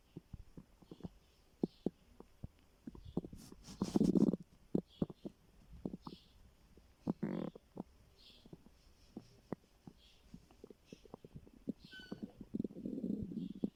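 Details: Stomach growling from hunger: quiet gurgling and popping bowel sounds with a few longer rumbles; normal borborygmi.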